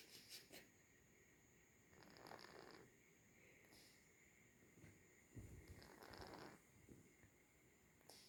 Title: Snoring kitten